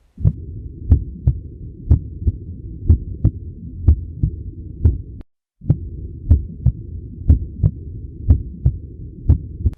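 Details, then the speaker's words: Normal heart sounds on a cardiac auscultation demonstration: a steady lub-dub at about 60 beats per minute with crisp first and second sounds and no murmur. "Os focos de ausculta são aórtico, pulmonar, tricúspide e mitral. Vamos ouvir agora a ausculta cardíaca normal."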